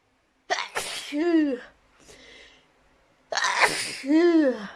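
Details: Sneezing compilation clip: two voiced sneezes, each a quick breath in, a sharp burst and a drawn-out sung "choo"; ordinary repeated sneezing.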